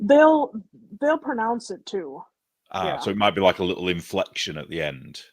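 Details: Adult speaker; normal speech.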